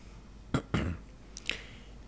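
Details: Man with a sore throat: two short, rough throat-clearing bursts followed by a faint click.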